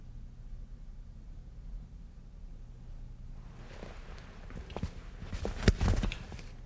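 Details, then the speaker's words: Stethoscope diaphragm resting gently on the abdomen, left upper quadrant, during an abdominal examination demonstration: quiet hiss, then irregular soft gurgles and clicks; normal bowel sounds, normally about 32–34 a minute and easily heard. "but normally bowel sounds are present at a rate of 32 34 a minute so they're usually very easily heard"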